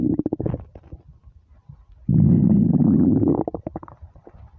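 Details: Starving stomach: low gurgling rumbles with a long sustained growl in the middle; hunger borborygmi.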